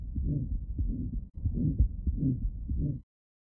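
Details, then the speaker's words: Gallavardin phenomenon in a real patient with aortic stenosis, heard at the apex: a quieter, high-frequency, musical systolic murmur filling each beat, separate from the harsh murmur at the right upper sternal border. "this is called a gallavardin phenomenon and is due to a separation of the components of the murmur into a harsh loud component of the right upper sternal border and a quieter highfrequency musical component of the Apex"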